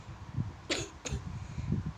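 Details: Child gives two short, sharp coughs with quiet room noise around them, just before reciting Surah An-Naba from memory: cough.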